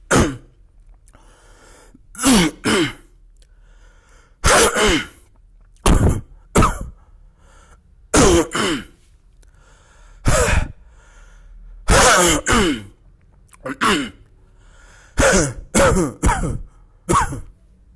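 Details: Deliberate, demonstrated coughs from an adult, sharp explosive bursts coming singly and in pairs with quiet gaps.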